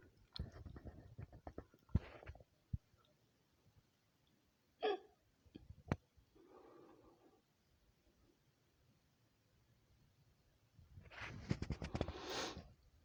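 Several short, abrupt gulping catches in a quiet room, separated by pauses, consistent with hiccups.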